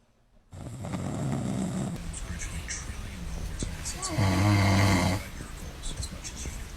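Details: Adult male (dad) snoring: loud, low rattling snores with one long, strongly vibrating snore in the middle, faint room noise.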